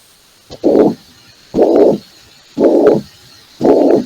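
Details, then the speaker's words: Regular heartbeat near 58 a minute, each beat carrying a harsh blowing noise that fills the beat; systolic murmur of mitral regurgitation. "vamos a ver lo que nos interesa as hoy día ver los ruidos cardíacos de la insuficiencia mitral no vamos a ver los ruidos cardíacos de la insuficiencia vitral"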